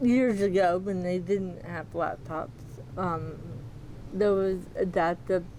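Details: Dysarthria in a 40-year-old woman with moderate to severe athetoid cerebral palsy, GMFCS level 3/4 with quadriplegia; she walks with a walker but uses a power wheelchair daily and reports people sometimes have trouble understanding her.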